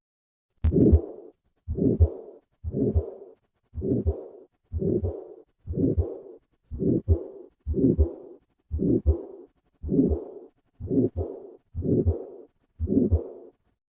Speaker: listen once again to a patient with combined aortic stenosis and regurgitation